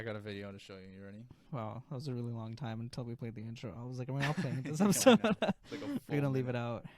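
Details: Adult male speaker; ordinary speech.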